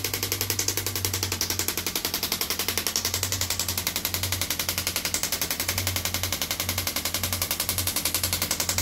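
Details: Radial shockwave therapy on an arm-wrestler: steady, rapid clacking pulses, about 220 a minute, over a low machine hum; patient says it feels like deep tapping on the bones and is not painful.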